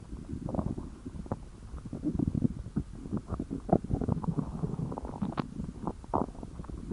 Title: Aardvark's Stomach Growling